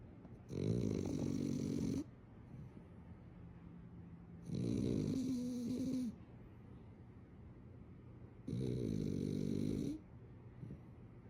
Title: So you want a #Frenchie? Turn up the Volume. Frenchie snoring! #dog #viralvideo #frenchbulldog